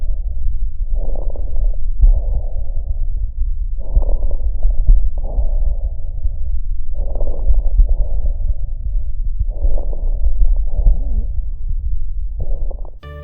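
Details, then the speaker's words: Chest auscultation: breath sounds with brief popping clicks under 5 ms in rapid succession, from sudden opening of airway segments equalizing pressures, occurring at end of inspiration or start of expiration; crackles. "la interpretación son ruidos cortos de menos de 5 milisegundos que aparecen en rápida sucesión y que se ocultan sobre la pared torácica se originan al comunicarse bruscamente diferentes segmentos de la vía aérea y así se igualan las presiones"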